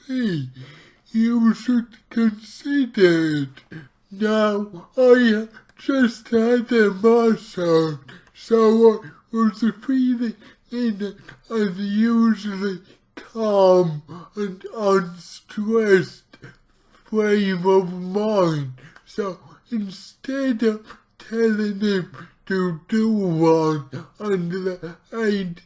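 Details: Dysarthria from cerebral palsy in an adult male speaking about his own condition, heavily distorted speech, while trying a keto diet to see its effect on his cerebral palsy.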